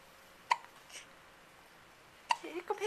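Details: Two sharp, abrupt hiccups about two seconds apart, with brief voiced noise after the second, recorded in 2009 on a Flip Video camcorder; ordinary hiccups.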